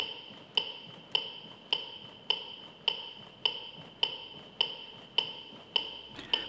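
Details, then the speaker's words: AED metronome in a CPR and defibrillator-use training video: sharp, evenly spaced electronic clicks at about 105 a minute pacing chest compressions, with voice prompts to push hard. "ο απινιδωτής μας κατευθύνει με ένα μετρονόμο ενώ μας δίνει οδηγίες για να βελτιώσουμε την ποιότητα των θωρακικών συμπιέσω που εφαρμόζουμε"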